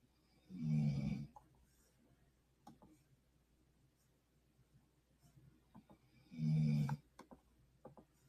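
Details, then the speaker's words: Sleeping dog snoring, with two low, rumbling snores about six seconds apart, each under a second, and faint clicks and quiet room noise between them. "Sorry if you can hear my dog snoring."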